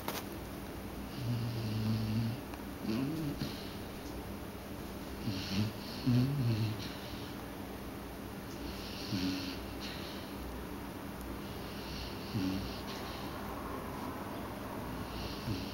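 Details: Pet doodle dog asleep in a quiet room: soft, low, rumbling snores with snorty breaths, irregular; ordinary sleep snoring.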